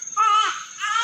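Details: Newborn baby boy delivered by LSCS, crying during cleaning and vernix removal: a loud, high-pitched, sustained, vigorous cry; a strong, healthy newborn cry.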